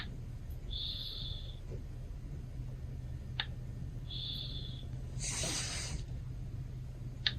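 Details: Sleeping Maine Coon cat snoring: soft whistling nasal snores about every three seconds over a low room hum, ending in a breathy snort.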